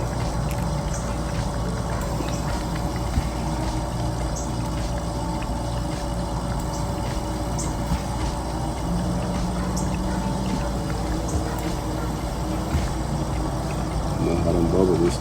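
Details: Oxygen concentrator humidifier in a training demonstration of concentrator alarms: continuous motor hum with gurgling bubbles as oxygen flows through the humidifier water bottle.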